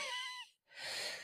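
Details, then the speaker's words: Imitated wheeze, not a real patient: a whistling breath then a breathy rush of air, a prolonged high musical airway sound, demonstrated by an English teacher who is ill; a wheezing cough may be linked to asthma. "Ou une toux sifflante à une respiration sifflante est ce genre d'échappement prolongé du son de l'air. Ça ressemble à ça..."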